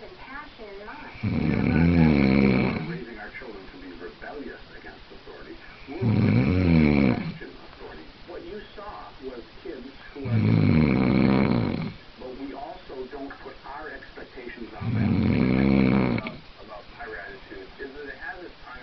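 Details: Adult man (boyfriend) snoring loudly: regular rattling snores on each in-breath, about 13 a minute, with quieter breathing between.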